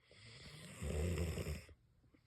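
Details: Sleeping dog (Izzy) snoring peacefully and not loudly: a single soft, low, rumbling snore; calm snoring.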